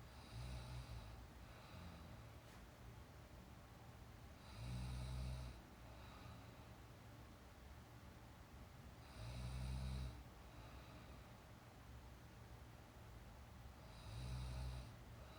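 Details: Young woman asleep during a nap, real recorded snoring: regular low rumbling snores about every 4.5 seconds, roughly 13 a minute, with quieter airy breaths between over faint room noise.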